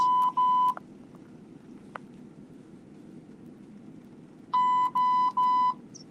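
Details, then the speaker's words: Bedside hospital monitor alarm: groups of steady high-pitched electronic beeps in a quiet room at 1:45 a.m. The adult patient was admitted overnight to a cardiac floor with a suspected heart attack, has an IV in the arm, and does not know what the beeping means. "I don't know what the beeping means."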